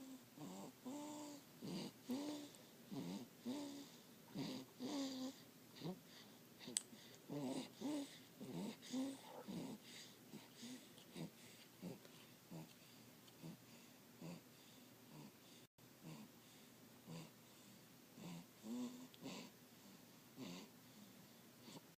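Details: A 3-week-old sleeping puppy makes soft, rapid, slightly pitched snoring breaths in a quiet room.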